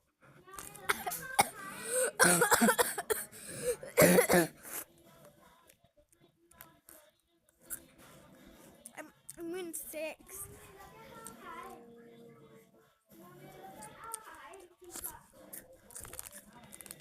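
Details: A child gives a cluster of harsh, forceful coughs and throat clearing, then quieter muffled vocal sounds; cough.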